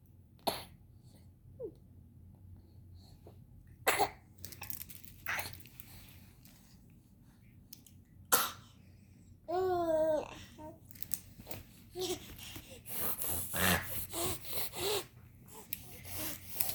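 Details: Young girl coughing while playing with her mother: several short, separate coughs, with babbling and quiet room sounds between them.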